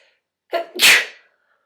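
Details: A single sneeze, one of a run of repeated sneezes that came just before a shower: a brief sharp intake of breath, then an explosive burst of air through the nose and mouth.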